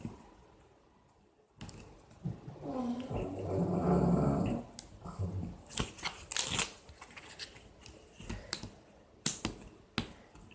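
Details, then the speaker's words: Pug dog snoring: one long, rumbling, snorting snore amid clicks and rustles of nearby crafting. "Je sais pas si vous entendez, mais il y a mon chien qui ronfle. C'est un carlin, ça fait du bruit."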